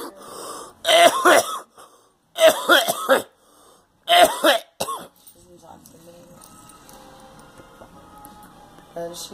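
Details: Girl coughing: three loud, harsh coughing bouts, each with several forceful bursts, then a quieter pause with faint background noise.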